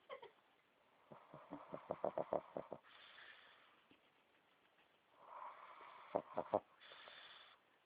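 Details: Snoring-like snorting: rapid bursts of short snorting puffs alternate with softer wheezy, whistling breaths.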